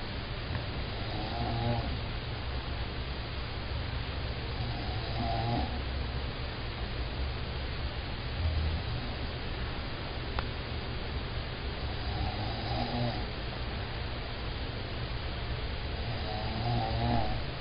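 Soft, rhythmic low snoring sounds about every four seconds, roughly 15 breaths a minute, from a sleeping animal under steady background hum.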